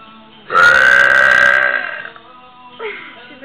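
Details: One long, loud, rumbling burp lasting over a second, with music in the background.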